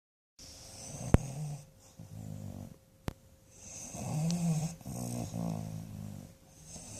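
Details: Dog falling asleep, giving low, rough snoring breaths with short pauses between them, plus a couple of sharp clicks in a small room; snoring.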